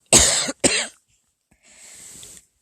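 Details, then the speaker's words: Adult with COVID-19, diagnosed by an ER doctor with bronchitis; two loud, harsh wet-sounding cough bursts followed by a long breath; productive cough. "i went to an er on friday thinking i had had a reaction to medication and it developed into this cough er doctor said you have bronchitis"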